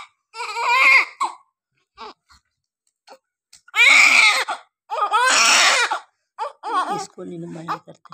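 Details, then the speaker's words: Repeated high, wavering cries with brief pauses from a newborn baby girl just after a normal delivery, in a quiet room; ordinary newborn crying as breathing on her own begins. "इसलिए जब बच्चा पैदा होता है, तो वह अपने आप सांस लेना शुरू कर देता"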